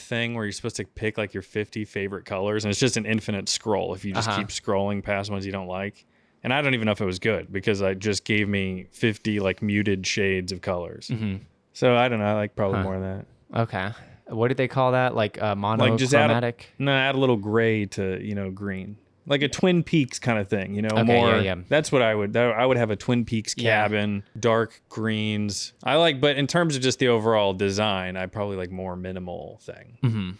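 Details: Adult man, conversational speech; normal speech.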